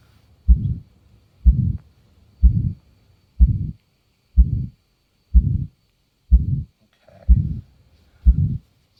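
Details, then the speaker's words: Simulated nursing roleplay of aortic stenosis: adult reports chest pain, pounding heart, ankle swelling and near-fainting at the end of runs. Steady heartbeat near 62/min, each beat trailing into a rough whooshing murmur, described as a possible heart murmur. "okay so it sounds like you've got a little possible heart murmur going on might be a continuation which"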